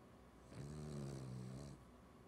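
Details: Snoring: one low, buzzing snore lasting about a second during breathing in, over steady room noise.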